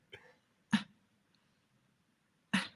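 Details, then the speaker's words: Adult clinician's imitation of a child auto-PEEPing: brief breath holds to keep airways open, then a short expiratory phase with a little cough-like grunt, prompting concern for pathology beyond RSV bronchiolitis, such as pneumonia; expiratory grunting. "they just hold their breath that a little bit of time just to maintain that to keep their airways open and then they just let the short expiratory phase and you kind of hear that little kind of almost cough grunt"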